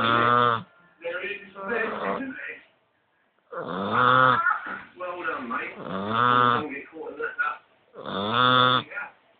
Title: staffie pup snoring